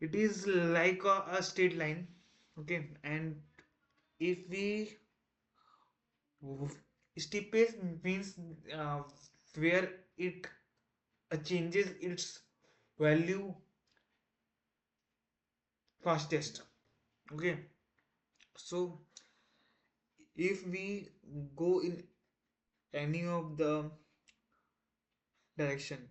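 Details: Man who identifies as a person who stammers, on day 1 of a self-set 30-day stop-stammering challenge, trying not to stammer: stuttering with audible repetitions and fillers.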